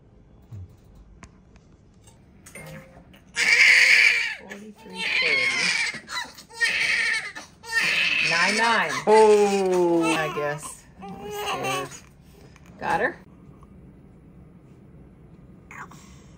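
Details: Strong, high-pitched crying in bursts from a large newborn girl, about 10 lb, about a minute old, with adults talking over it; a vigorous cry right after vaginal delivery.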